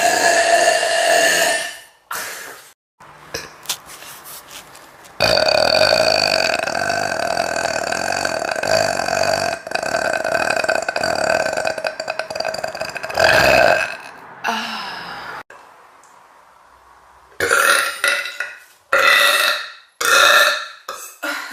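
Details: Several loud, long, voiced belches with short pauses between them; repeated burping.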